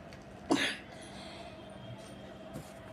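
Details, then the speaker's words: Adult with a cold coughing repeatedly, says coughing keeps coming; a single short, harsh cough heard over faint room hum. "आज हम खासी बहुत आ रही जुकाम है बारबार खांसी आ रही है"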